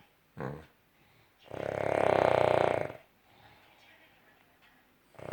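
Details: A dog making a short snort, then a long, loud, vibrating noise on the in-breath, then quiet breathing; dog snoring.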